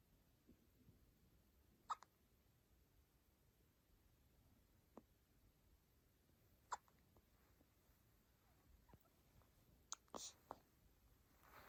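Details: Newborn baby girl hiccups: soft, sharp hiccup clicks, about three to four over twelve seconds, in a quiet room.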